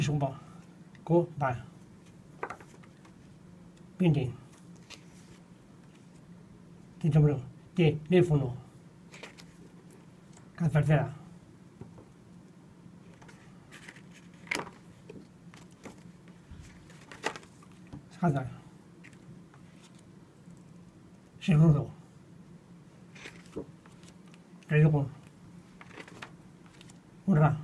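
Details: 61-year-old with non-fluent primary progressive aphasia, in therapy about two years; motor-predominant aphasia, apraxia, phonemic paraphasias and marked inhibition difficulties; attempting rapid picture naming; non-fluent primary progressive aphasia with apraxia of speech.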